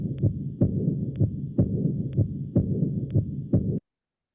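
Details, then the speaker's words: Austin Flint murmur heard at the mitral area in severe aortic regurgitation, due to functional mitral stenosis: regular heartbeat near 60 a minute with a low diastolic rumble filling the gaps between beats. "entonces un soplo diastólico en el foco mitral o retumbo es posible encontrarlo en el paciente que tiene insuficiencia aórtica severa y es secundario a una estenosis mitral funcional"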